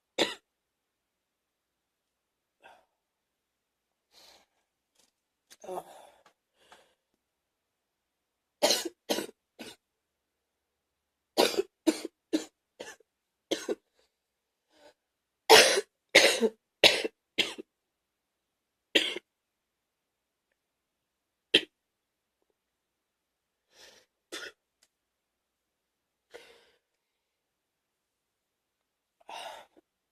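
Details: Wet productive cough in the morning: repeated bouts of harsh, gagging coughs with a wet, phlegmy sound.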